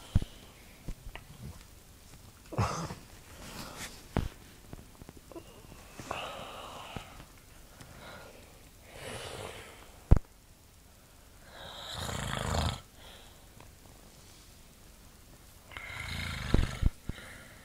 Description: My Dad snoring in the middle of the night!